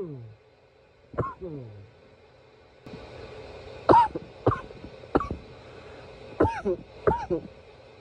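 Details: About six short, harsh coughs with some throat clearing, in two loose runs over several seconds against faint room noise; repeated cough.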